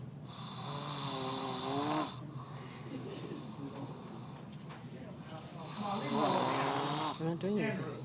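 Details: Long, loud, rough snoring compared to a chainsaw, with a quieter breath between snores and brief talk nearby; heavy snoring.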